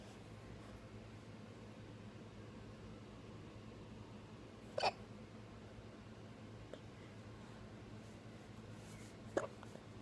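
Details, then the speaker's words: Young child with hiccups: two brief sharp catches about four and a half seconds apart over quiet room noise; the child denies having hiccups when asked. "I think you do have hiccups. No? I think you do."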